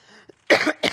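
Two short, harsh cough bursts following a faint vocal sound; an ordinary adult cough.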